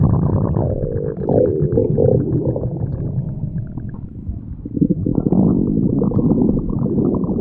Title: Fat animals stomach growling compilation #1